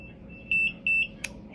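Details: Infusion pump alarm during a breast cancer patient's second immunotherapy infusion: two steady high-pitched electronic beeps over quiet room noise while a medication check is done.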